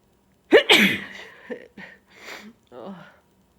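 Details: Sneezes during a cold, with buildups: one forceful sneeze, then a few shorter voiced sneezes and breathy sounds.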